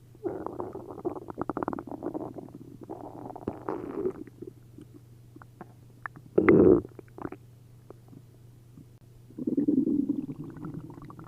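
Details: Loud, bubbling, gurgling abdominal sounds in irregular bursts with much liquid moving through the bowel after drinking a liter of milk and a liter of prune juice; upset-stomach borborygmi.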